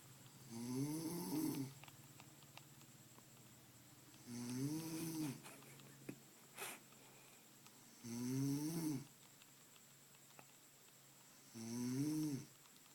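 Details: Mum snoring during a trip: regular low, buzzing snores with each in-breath, about 18 a minute, in a quiet room.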